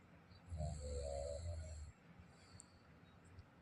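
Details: Adult man (father) snoring in sleep: one low, rumbling snore lasting about a second and a half, followed by quiet breathing.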